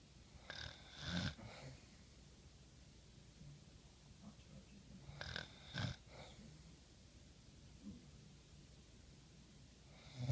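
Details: Someone falls asleep while watching a movie and snores: two slow, low rumbling breaths with a fluttering rasp, about six seconds apart, in a quiet room; snoring.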